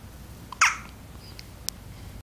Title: New born with hiccups